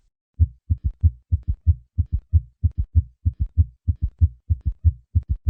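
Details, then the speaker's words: Simulated heart sounds recorded at the apex: steady triple rhythm of low thuds at about 94 per minute; summation gallop. "Summation gallop."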